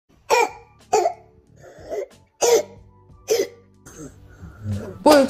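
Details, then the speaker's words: Young child's croup cough, a more advanced form of laryngitis in which a virus makes the vocal cords swell: repeated harsh, barky coughs. "Ama yani bu büyük oranda bir kup öksürüğü yani Laranjit daha ileri bir formu da diyebiliriz buna burada ses telleri bir virüs tarafından tutuluyor ve şişiyor daha çok küçük çocuklarda görüyoruz"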